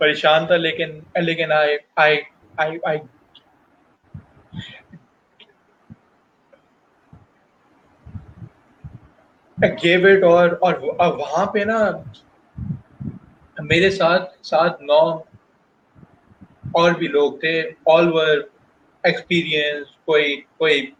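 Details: Adult male professional who stutters, speaking Hindi/Urdu while telling his life and career story; stuttering.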